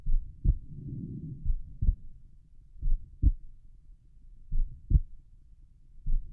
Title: Relaxed pulmonic valve heart sounds